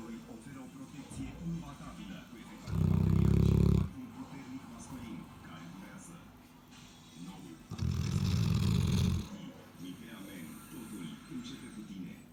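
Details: Two loud, low, rumbling snores about five seconds apart from a sleeping 11-month-old female Cane Corso dog, with quieter breathing and faint room sounds between: snoring.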